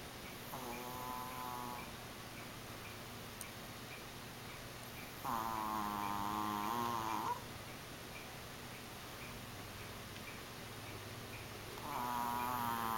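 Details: A pet, Mickey, sleeping in his new bed: three drawn-out, whistling, tonal snores spaced unevenly over quiet room noise; snoring.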